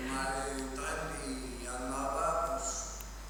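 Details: Patient with cerebellar syndrome (cerebellar ataxia); cerebellar (ataxic) dysarthria.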